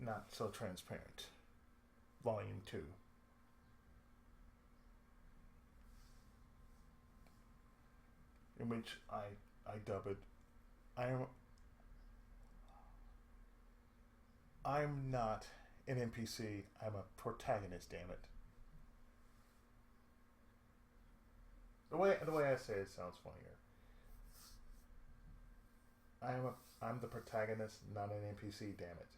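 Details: Adult male with lifelong cerebral palsy and speech difficulty since childhood: speech disfluency in cerebral palsy.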